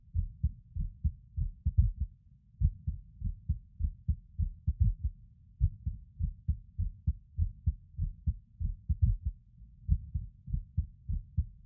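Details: Adult male lying on his bed: low heartbeat thumps with uneven spacing and occasional pauses where a beat drops out; skipped heartbeats, irregular rhythm.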